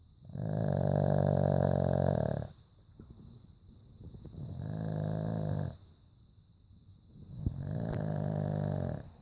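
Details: Pet dog asleep: loud, rough, low rumbling snores on each breath, about three in nine seconds, with quieter breathing between; snoring.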